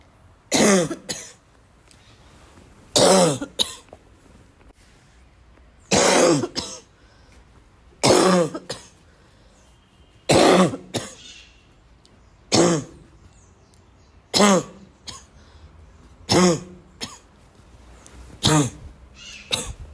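Nine harsh cough bursts with throat clearing over about twenty seconds, recurring every two to three seconds; persistent repetitive coughing.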